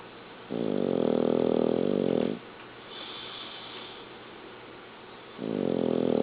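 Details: Sleeping dog snoring loudly enough to be heard upstairs: long, loud buzzing snores about every five seconds with a softer breath between.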